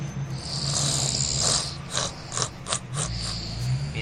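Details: Loud, rattling snore bursts from a sleeping dog over a steady engine-like hum; heavy snoring.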